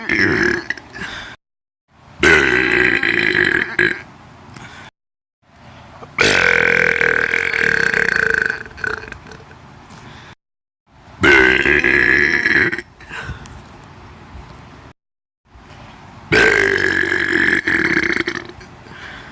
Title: Burp compilation #4